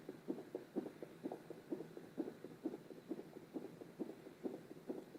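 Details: Fetal heartbeat heard through a Doppler monitor: rapid, regular galloping thumps at about 130 beats per minute.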